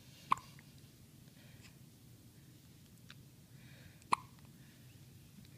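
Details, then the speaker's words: Three-day-old newborn girl with hiccups after her first good feed: two short, sharp hiccup sounds about four seconds apart in a quiet room; ordinary newborn hiccups. "there's another one down there I think as long as these hiccups are going on ooh there goes cross-eyed and we're back and another one and another one I'm just gonna let you get it all out"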